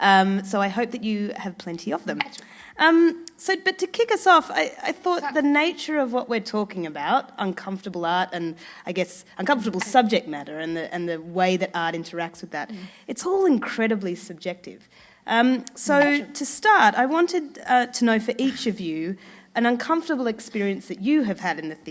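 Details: Adult woman speaking; normal speech.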